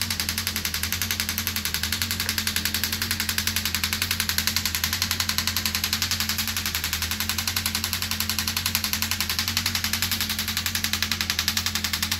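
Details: Shockwave therapy at energy level 3.2, which the patient says is manageable. Rapid, regular mechanical clacking at about 220 pulses a minute over a low hum from the shockwave device.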